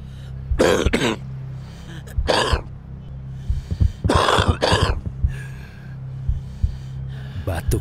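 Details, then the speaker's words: Acted smoker's cough in an anti-smoking public service ad: harsh, wet coughing in paired bursts from an adult. "batuk seorang perokok tidak hanya menandakan rusaknya paru-paru"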